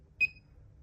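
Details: One brief high-pitched beep as a button switches a therapeutic ultrasound unit into ultrasound mode, frequency set to 1, during setup for treating a patient lying on their side; a normal device sound.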